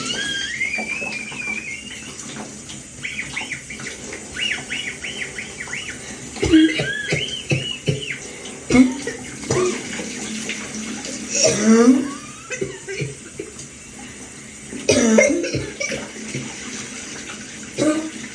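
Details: Several wheezy coughs during an evening shower, with high whistling wheezes between and within the coughs over running water.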